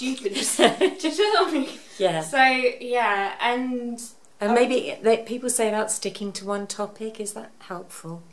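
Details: Adult woman speaking; typical speech.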